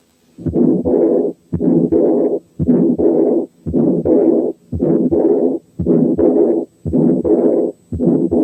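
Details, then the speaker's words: Combined aortic stenosis and aortic incompetence (double aortic lesion) producing a to-and-fro murmur, systolic and diastolic components rather than one continuous machinery murmur; contrasted with patent ductus. "عرفناها؟ دي كانت combined aortic stenosis and aortic incompetence عاملة to and fro murmur."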